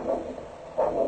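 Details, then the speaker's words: Diabetic foot assessment with a handheld Doppler over an ankle artery during ankle pressure measurement: rhythmic whooshing pulses with each heartbeat, a normal arterial flow signal. "comme vous l'entendez on a de façon très rythmique le signal doppler qui indique le passage du centre dans votre artères"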